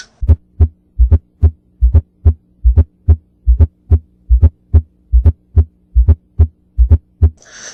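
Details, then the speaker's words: Teaching example of an S4 (presystolic) gallop, best heard at the apex in the left lateral decubitus position: regular low heart thumps at about 72 a minute, with an extra soft sound just before each S1. "so you can see from this heart sound that it was like doom doom doom doom doom doom so it's a pre systolic heart Gallop"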